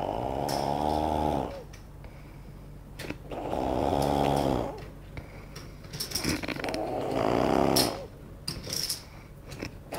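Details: A friend snoring very loudly: rough, vibrating snores on each breath in, about three in ten seconds, with quieter breathing between; heavy snoring.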